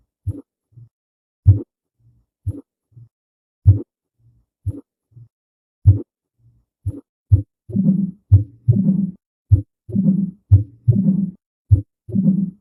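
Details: Repeated low thumps in pairs, some followed by a soft rushing noise between beats; heart sounds.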